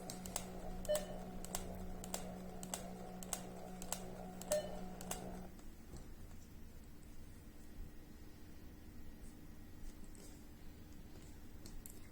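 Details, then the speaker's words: Pump motor hum with repeated short beeps and clicks, then the motor stops leaving quiet room noise: MedRena UniFusion VP50 Pro infusion pump finishing a one-minute automatic bolus. "then press Start bonus the bullets start and will stop after one minute"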